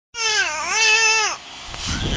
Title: baby cry [05302009]